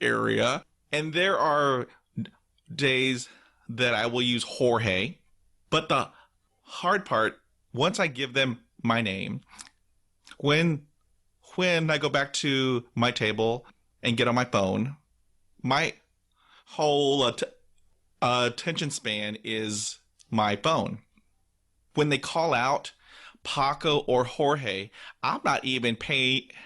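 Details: Podcast host who stutters, speaking with word repetitions; stuttering.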